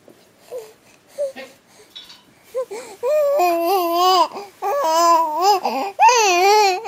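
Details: Infant hiccups: several brief, abrupt little catches at irregular intervals, then babbling and fussy cry-like vocalizing.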